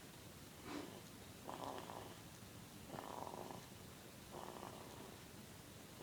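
Soft, rhythmic rasping sounds with each breath, about four in six seconds; light snoring in a young sleeping animal.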